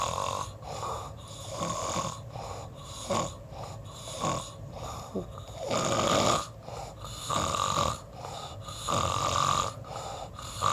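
Rough, rumbling snores in repeated cycles, about 35 to 40 a minute, over steady room noise; ongoing snoring during sleep.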